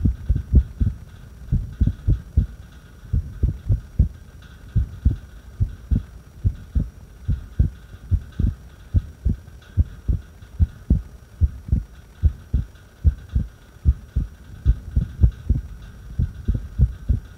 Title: Irregular heartbeat breath hold